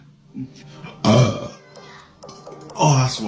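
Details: Male gym-goer burping during an eating challenge: two loud, low, voiced adult belches, with faint music in the background.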